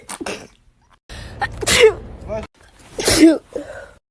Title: female tiktok sneeze 169